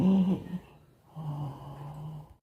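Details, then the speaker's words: Husband asleep and snoring loudly: a loud, low, rattling snore followed by a second rumbling snore on the next breath; heavy snoring during sleep. "देखिए मेरे husband आराम फरमा रहे हैं निंद्रा ले रहे हैं और साथ में तेज तेज खराटे भी चल रहे हैं भाई इनके"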